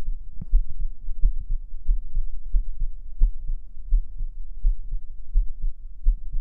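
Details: ASMR stream heartbeat recorded on a 3Dio binaural microphone: steady, low, muffled lub-dub thumps at about 86 beats a minute, a heartbeat heard through the chest.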